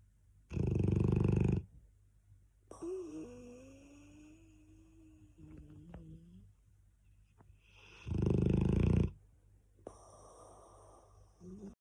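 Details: Cane Corso dog asleep, snoring loudly: two rough snoring breaths about seven seconds apart, with softer whistling and squeaky breath sounds between.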